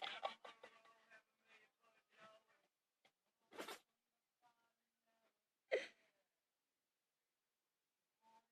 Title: Funny dog sneezing